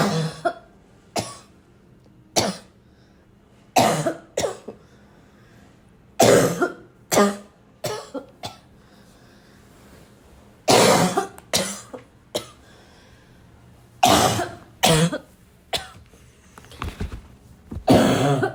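Repeated loud, harsh, barking coughs in bursts with some throat clearing; an ongoing coughing fit.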